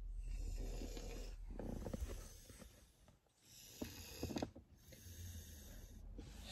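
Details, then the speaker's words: Soft, rhythmic snoring from young children, aged 6 and 5, asleep in a parked car, with a low car-cabin rumble behind it. "every single day they decide to fall asleep but yeah my poor babies you can even hear them snore"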